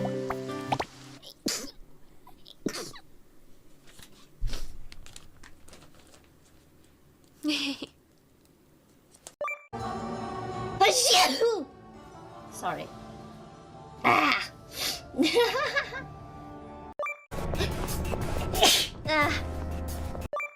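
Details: Weekly VTuber sneeze highlights compilation: several sharp, explosive sneeze bursts between stretches of music and brief talk.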